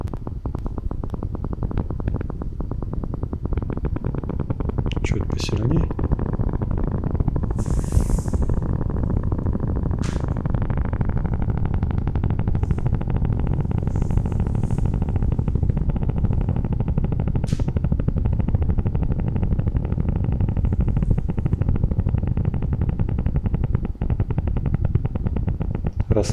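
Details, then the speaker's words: Needle EMG during gentle muscle contraction after needle repositioning. Dense crackling, popping motor unit potentials are collected for analysis, aiming for 20–25 complexes. These are normal motor unit potentials. "остановили и таким образом нам желательно набрать 20-25 вот таких комплексов То есть получается в среднем 5 сколов из каждого вкола от одного до трех до пяти вот этих комплексов можно получить здесь у нас на экране"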